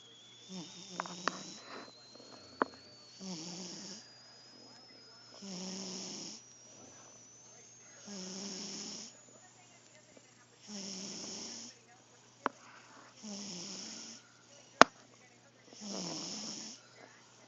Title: Oscar the Cat snoring (Original)